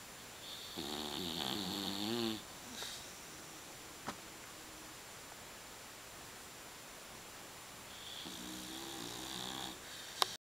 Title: Daisy Snoring